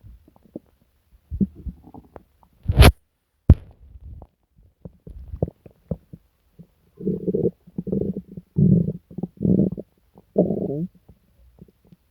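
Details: Person sick for several days with stomach pain, diarrhea and nausea: loud, deep gurgling and growling stomach sounds, prominent borborygmi.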